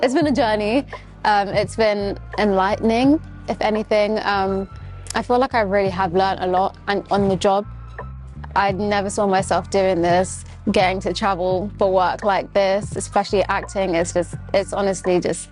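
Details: Adult woman speaking; Normal fluent speech.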